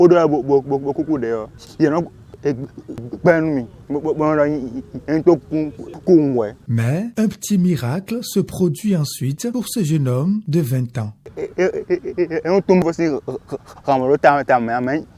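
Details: Adult male voices; normal speech.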